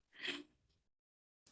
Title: POV: When u sneeze (Read desc)